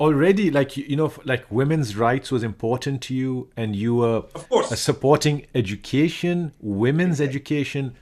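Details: Adult male speaker; normal speech.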